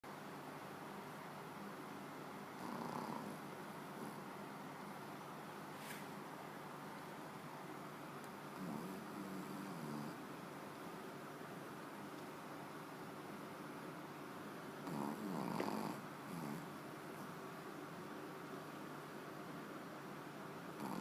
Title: Daisy, the snoring dog